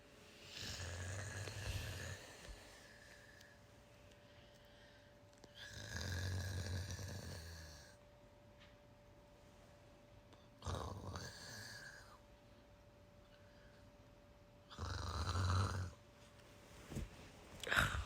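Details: Deep, loud rumbling snores, about four in eighteen seconds, with long drawn breaths and quiet gaps: heavy snoring in a sleeping man.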